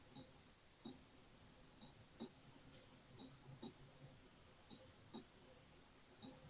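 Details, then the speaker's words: Simulated normal heart sounds at the mitral apex focus, where S1 is louder from mitral valve closure: faint, regular paired heart sounds with a loud bump at the end. "ahora vamos a los focos de la punta aórtico o perdón tricuspideo mitral en este fuo en estos focos el primer ruido es más fuerte porque se debe al cierre de la válvula tricuspid mitral"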